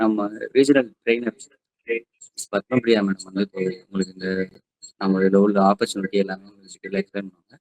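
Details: Adult man speaking Tamil; Normal speech.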